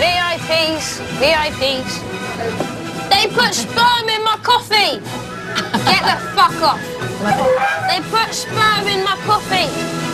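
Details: Boy with Tourette syndrome producing involuntary vocal tics with shouting and swearing (coprolalia) in public; vocal tics with coprolalia (Tourette syndrome).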